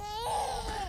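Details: Brief, high-pitched infant cry with a clear tone; ordinary baby crying.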